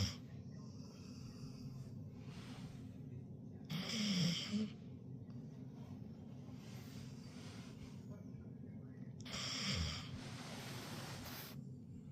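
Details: Sleeping pit bull making two loud, slow snorting breaths about six seconds apart over quiet room noise: snoring.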